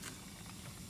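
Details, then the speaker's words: Steady hissing, slurping suction as leftover saline is drawn through the catheter to rinse the suction tubing after tracheostomy suctioning, in a nursing skills demonstration. "you want to just use the rest of your liquid to go ahead and clean out your tube so when you check off just go ahead and suck the rest little liquid up and"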